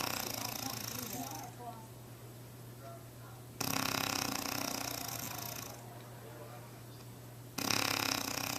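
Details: Adult woman (wife) heavy snoring during sleep, recorded with a Flip Video camera: loud, harsh, rattling snores alternating with quieter breaths, about 15 breaths a minute.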